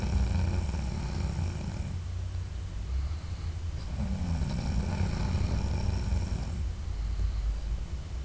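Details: Adult man snoring in his sleep: deep, rumbling low-pitched noise with two long rattling inhalations separated by a quieter pause; audio only.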